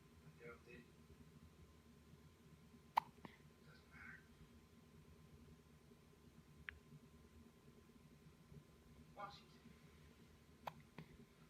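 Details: Sleepy baby with hiccups: soft, sharp little hiccup clicks at irregular intervals, faint breathy sounds, quiet room hum.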